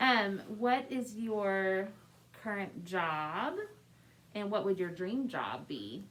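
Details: Adult woman speaking; typical speech.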